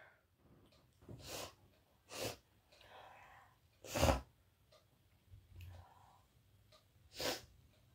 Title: Wet and snotty sneezes!